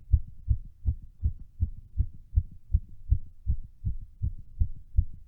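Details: Fast, regular, strong heartbeats at about 160 a minute recorded during a workout; rapid heart rate from exertion.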